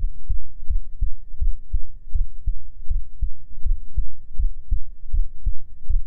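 Steady, soft low heartbeat thumps at about 80 beats a minute, in a regular two-part rhythm.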